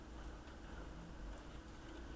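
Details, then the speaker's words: MedQuip portable suction machine switched on for airway suctioning: steady low motor hum and airflow noise. "if you ever think for whatever reason it's not sucking like it's supposed to um you want to put your finger over the hole and see if your gauge goes up"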